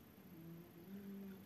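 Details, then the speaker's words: Soft, steady, low rumbling snore from a sleeping pet in a quiet room, growing louder for a moment while a woman speaks in French nearby. "Oh, je sais pas si vous entendez au moment où j'ai dit, bah dis donc, il a ronflé encore plus fort."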